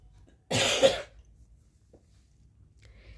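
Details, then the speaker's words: A single harsh, fairly forceful half-second cough, then a quiet room, from an adult with a cold who reports a strained voice and shortness of breath. "এই তো একটু ঠান্ডা লেগেছে, যে কারণে আমার voice দিতেও কষ্ট হচ্ছে, অনেকটা শ্বাসকষ্ট হয়ে যাচ্ছে।"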